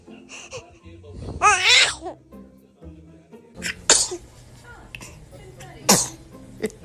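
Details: Funny baby sneeze: two sharp, breathy infant sneezes after a burst of laughter, with music and adult voices behind.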